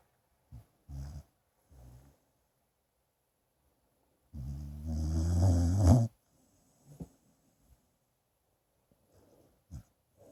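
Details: Sleeping dog snoring: brief low snorts, then one long, loud, rattling snore.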